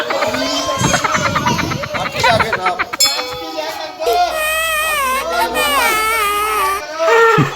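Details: A young child cries in strained, wavering wails while on an elephant, with other children's voices and play noise around: infant crying.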